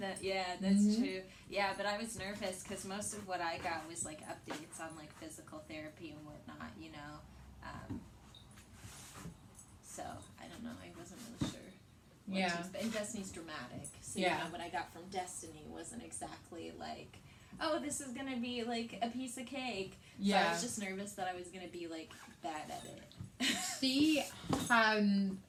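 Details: Young adult woman; typical speech.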